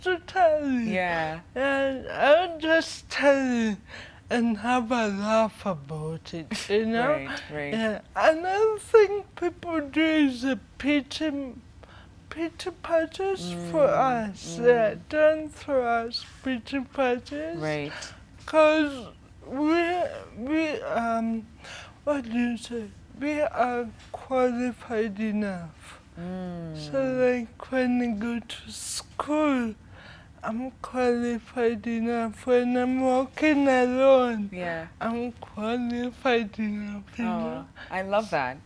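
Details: 25-year-old woman with cerebral palsy from brain damage due to lack of oxygen at birth during her mother's prolonged labour, affecting leg and hand movement, coordination and speech; dysarthria (cerebral palsy).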